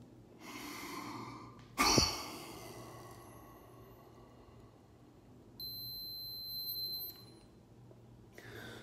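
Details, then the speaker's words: Man almost 57 with cystic fibrosis doing a weekly home lung function check on a Microlife PF100 handheld spirometer: deep breath in, sharp forceful blow out that tails off, then a steady high beep; first FEV1 reading 2.88. "let's do my PF tease together first we'll turn on the spirometer and wait for two beeps"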